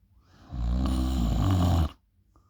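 A single loud, deep, rattling snore lasting over a second during inhalation; heavy snoring.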